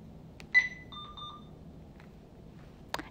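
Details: Alaris infusion pump in a nursing demo, primary tubing with 0.9% normal saline, volume to be infused set to 100: a short electronic beep, then a softer two-tone beep in a quiet room as START is pressed; normal start confirmation.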